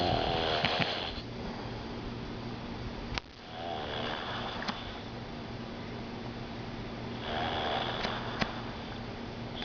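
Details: Poppa snoring, taped by a family member: rough, fluttering snores over a steady low room hum with a few sharp background clicks; snoring.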